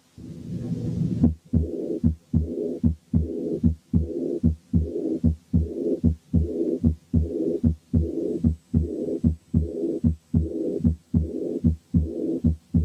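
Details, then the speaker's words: Aortic regurgitation due to syphilis: a regular heartbeat near 75/min with a slightly ringing second sound followed by a soft blowing early diastolic murmur. "نسمع مثال تاني لأيورتيك ريجرجيتيشن سببه سيفلس، وعشان كده السكند ساوند فيه له رنة شوية."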